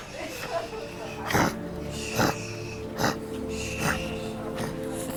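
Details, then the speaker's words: A dog thought to have a long plastic object stuck in its mouth breathes heavily, making a huffy noise. "He's breathing quite heavily. He's sort of making a bit of a huffy noise"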